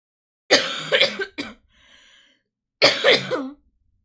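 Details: Two short bouts of harsh coughing with throat clearing from an adult female streamer who is still very ill with a circulating infectious bug.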